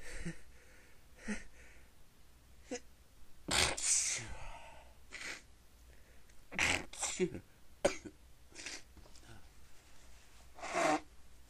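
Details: Person trying to stifle sneezes; run of about nine sneezes, several muffled or stifled, short quiet breaths between, unable to stop; stifled sneezes.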